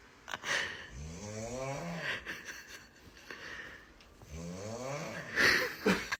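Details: Snoring.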